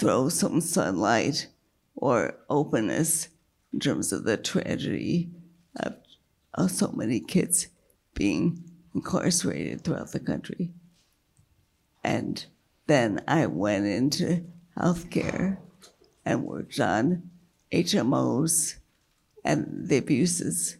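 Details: Woman with multiple sclerosis and a failing diaphragm, struggling to keep her voice, with an earlier brain lesion that caused total speech loss and word-finding difficulty; dysphonia (weak voice) in multiple sclerosis.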